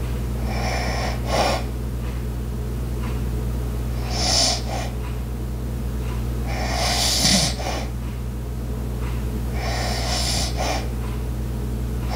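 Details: Light snoring with household background sounds, including an ice maker, clock and walking: soft, breathy snores and noisy sleep breaths, about four cycles, over a steady low hum.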